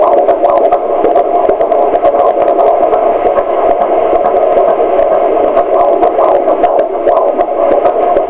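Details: Fetal heartbeat at 16 weeks on handheld Doppler: fast, rhythmic whooshing pulses at about 136 a minute through steady static.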